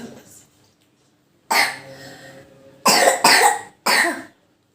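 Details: Four harsh coughs, one longer burst then three short sharp coughs in close succession, presented as the cough type homeopathy associates with the remedy Drosera.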